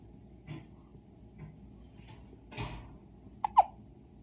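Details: One-day-old newborn boy hiccupping, whole body shaking with each hiccup: soft, abrupt hiccup sounds, a couple of sharp squeaky catches among faint ones, over steady room hum.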